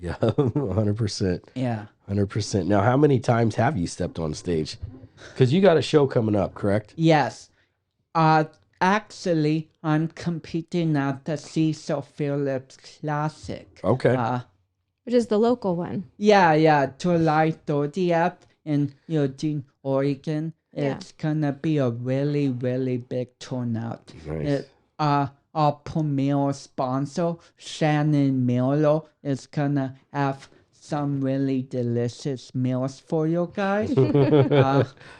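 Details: Dysarthria from cerebral palsy in a 32-year-old man, whose cerebral palsy affects speech coordination and walking.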